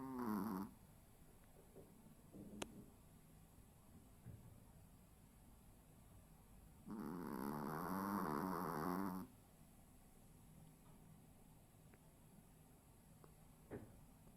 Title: My little brother snoring 😍😍